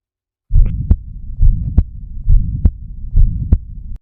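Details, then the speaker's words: Ventricular septal defect (hole in the heart) in a newborn child: steady heartbeat about 68 a minute with a continuous low rumbling murmur through each cycle, heard through a stethoscope. "اما بقى لو في طفل ومولود وده عنده ثقبه في القلب ودي حاله منتشره وشائعه جدا وده هنسمع في الحاله دي الصوت"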